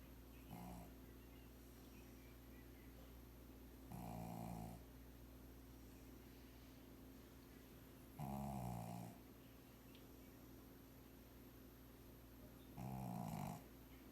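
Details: Sleeping Pug snoring: four loud, rough, low snores about every four seconds, roughly 15 a minute, over steady room hum; snoring.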